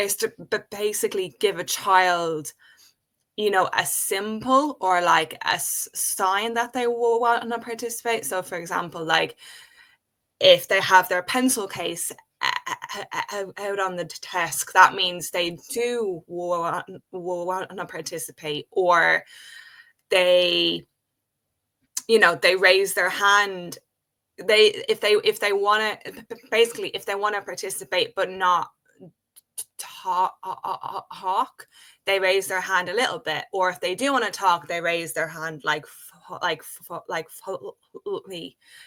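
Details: Adult woman who has stuttered since age five, speaking in a real interview; stuttering.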